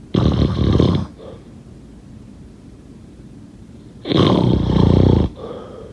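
Loud rough rattling breaths on inhaling, with quiet pauses between; snoring.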